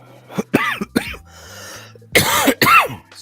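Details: An adult gives a series of short, harsh coughs and throat clears: a lingering cough after a cold. The person notes it worsens with cold air in a chilly room.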